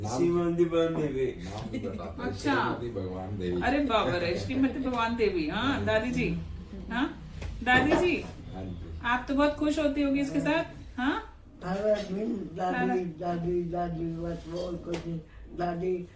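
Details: Adults talking in Hindi; ordinary conversational speech.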